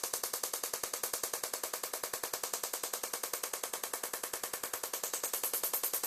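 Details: Shockwave therapy device giving rapid, very regular sharp clicking pulses, about 200 a minute, along the patellar tendon from the kneecap down to the tibia, treating patellar tendinopathy (front-of-knee pain).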